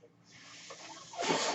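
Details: The speaker's own mechanical ventilator heard during speech, cycling through a delivered breath.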